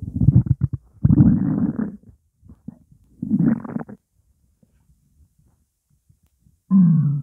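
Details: Stomach growling from hunger while the stomach holds only water: several low, gurgling rumbles in bursts separated by quiet gaps.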